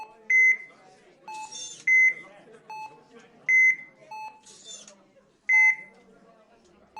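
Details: Intensive care unit ambience: repeating electronic patient monitor alarm beeps and tones roughly every second or two over faint room noise.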